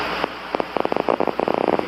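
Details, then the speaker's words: Irregular crackling pops with very short intervals and longer gaps on needle EMG; end plate spikes, not to be mistaken for motor unit or fibrillation potentials. "some very short intervals and long gaps okay that's it that's an end plate so you don't want to misinterpret that as a motor unit potential or a fibrillation potential"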